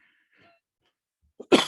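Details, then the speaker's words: After near silence, a catch of breath then a single harsh cough burst, cut off, from an older overweight adult with diabetes, high blood pressure and high cholesterol, previously had COVID-19; wheezing also noted. "i was eating a banana and i just had a wicked coughing fit"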